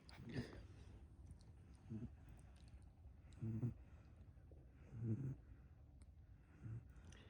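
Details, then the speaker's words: Sleeping Great Dane puppy snoring, also farting: soft, low snorting snores about every one and a half seconds over quiet room noise. "Not only is he snoring, but he's farting."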